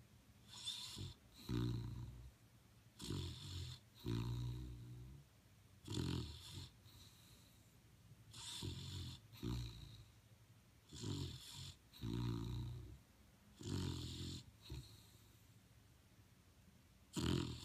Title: The snoring pit bull